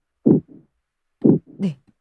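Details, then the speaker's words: Simulated pulsatile tinnitus from a tinnitus sound app: rhythmic paired heartbeat-like thumps at about 60 a minute. Pulsatile tinnitus may signal a blood vessel or brain problem and warrants MRI, MRA or CT imaging. "만약에 박동성 이명이 있을 경우는 혈관이나 뇌 쪽에 문제가 있을 수 있으니까 꼭 MRI나 MRA나 CT 등의 영상 검사를 하셔야 되고요."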